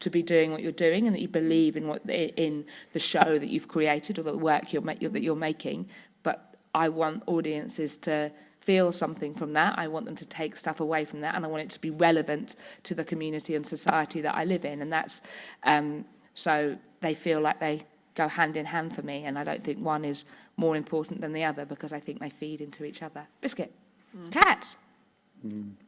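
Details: Woman with Tourette syndrome whose vocal tics, repeated "biscuit", "hedgehog" and "cats", interject her speech; several times daily tics intensify to loss of body and speech control; Tourette syndrome vocal tics.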